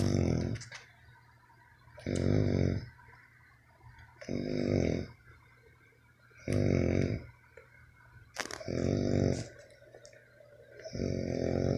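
Rhythmic low snores repeat about every two seconds, roughly 25 to 30 a minute, with soft noises between them.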